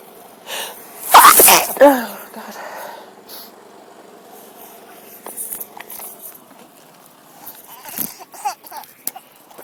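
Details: Sneezing fit outdoors in a park on a sunny breezy day, attributed to a cold with a possible mild tree pollen allergy: one loud explosive sneeze with a short follow-up burst, then quieter breathing and outdoor noise.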